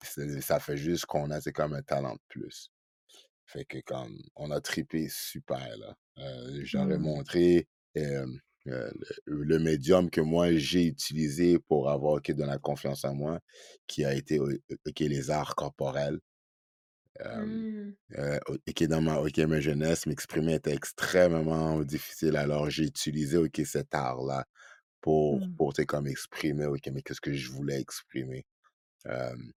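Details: Adult man who stutters, speaking French; stuttering.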